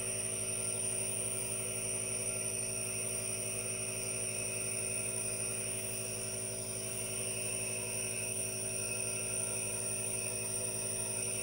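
Steady mechanical hum with a constant hiss and fast, even pulsing, the sound of a running aerosol nebulizer.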